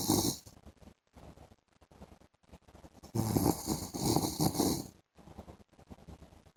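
Irregular, soft fluttering snores with a noisy, rough in-breath partway through, against quiet room noise: snoring during sleep.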